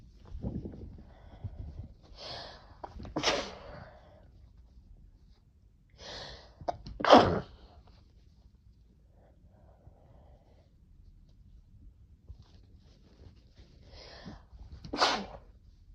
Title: New vial of Chhinkni #sneeze